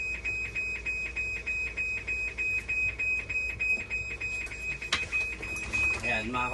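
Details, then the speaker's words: Fast, insistent electronic beeping over a steady high tone with room noise: a dialysis machine alarm triggered by a failed 9-volt backup battery that had been removed during repair of a conductivity problem. "Nag-fail yung 9 volt yung battery, tinanggal ko kasi kanina, nag-alarm. So, walang problema yan, yung battery lang."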